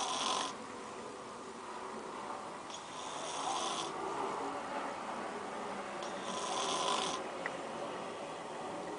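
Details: Person asleep in the afternoon, said to snore like a bear: hissing, rasping snores recurring every three to four seconds over background hiss. Snoring.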